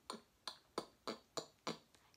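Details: Person with Tourette syndrome demonstrating current tics: six sharp, evenly spaced tongue clicks in about two seconds, a repetitive involuntary clicking vocal tic.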